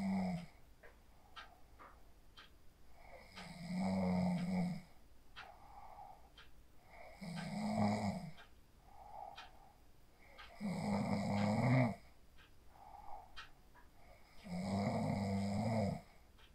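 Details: Adult snoring, recorded on a phone while asleep after using the 4-7-8 breathing technique; deep steady snores with quieter breaths between, about 15 a minute, faint background clicking.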